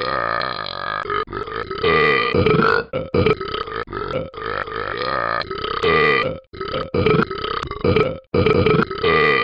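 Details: Simulated repeated burping from the Talking Ben the Dog app character: long, loud, rumbling voiced belches, several in a row with brief gaps.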